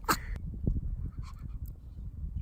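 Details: One sharp, explosive snorting sneeze from a small black-and-tan Pomeranian dog copying its owner's sneeze, then faint clicks over low room noise.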